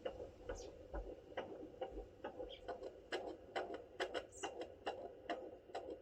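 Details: Fetal heartbeat on Doppler at 32 weeks, in a fourth pregnancy: rapid, regular whooshing thumps at roughly 135–140 beats a minute.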